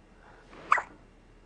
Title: Christmas pics hiccups